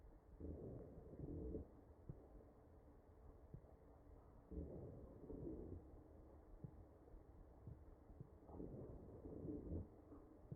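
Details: Real ventilated patient's chest recording: wheezing.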